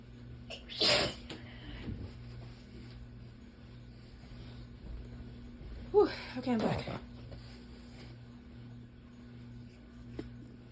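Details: Two forceful sneezes, the second a quick double burst, with sniffles between over low room hum: an allergy sneezing fit, with sneezes mostly into the elbow and some into the hand.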